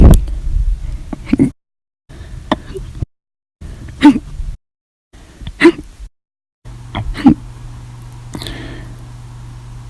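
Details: Violent, loud, persistent hiccups, sharp gulping bursts about every 1.5 seconds, in a bout lasting 13 hours 32 minutes after breakfast, lunch and a cup of soda after dinner; audio only.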